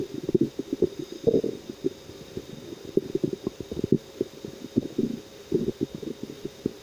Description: In meinem Bauch rumort es Mal wieder richtig 😁